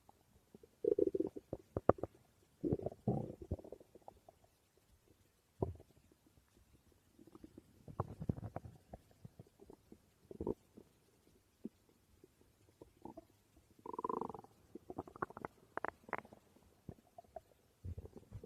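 Irregular gurgles and low rumbles in a quiet room; normal stomach growling from gas and fluid moving through the gut.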